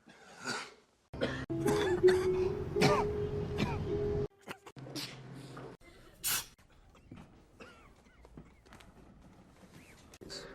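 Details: Acted movie cough from a supercut of film coughs and sneezes: a few short, harsh bursts with background noise and music.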